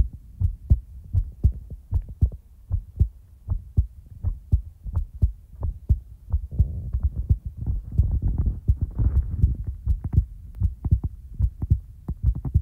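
Deep, regular paired thumps of a heartbeat, roughly 80 beats a minute, with a low hum and some rustling.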